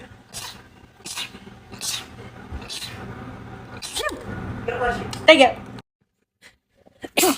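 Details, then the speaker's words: Rapid run of about six or seven short, sharp sneezes in quick succession from a person who says they sneeze 4 to 12 times per bout; sneezing. "I sneeze between 4 to 12 times per sneeze."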